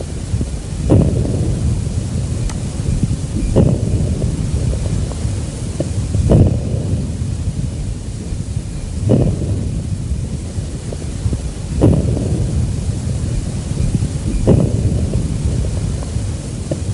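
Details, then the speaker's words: Chest auscultation teaching recording, breaths about 22 a minute with brief crackle bursts at the start of each inspiration, not cleared by cough or posture: early inspiratory crackles, as in severe airway obstruction. "they are not silenced by cough or change of posture among the diseases associated with early inspiratory crackles are chronic bronchitis asthma and emphysema listen again to early inspiratory crackles"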